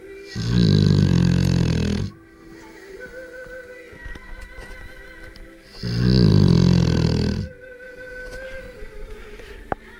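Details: Sleeping Rottweiler snoring: two long, loud, rumbling snores about five seconds apart, with quieter breathing between them.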